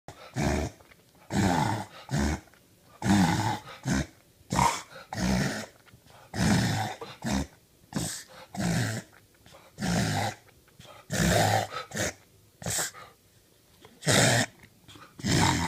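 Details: Dog, possible reverse sneezing (owner unsure): repeated harsh, honking snorts in quick bursts.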